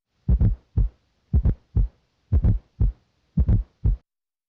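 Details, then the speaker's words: Stethoscope auscultation: regular heartbeat near 57 a minute, with a very soft, low-pitched extra thump late in diastole just before S1, a fourth heart sound (S4 gallop) from ventricular filling. "a fourth heart sound sound or S4 may occur late in diast just before S1 this ventricular filling sound is very soft and low pitched now listen for"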